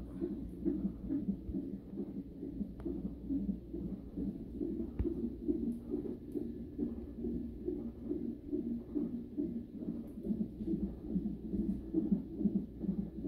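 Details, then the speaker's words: Fetal heartbeat on Doppler at a 37-week non-stress test for high-risk pregnancy: rapid rhythmic whooshing about 140 a minute, not that strong at rest, getting stronger and faster when the baby moves. "The baby's heartbeat is not that strong. Every time he moves, the heartbeat's getting strong and fast."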